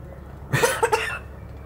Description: My Galah, Joey imitating a Smokers Cough